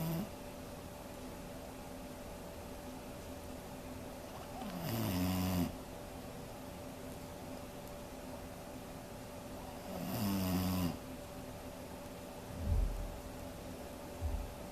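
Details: Two long, rattling snores about five seconds apart, then short snorting breaths, over steady background hiss; Roxy, a sleeping dog, snoring.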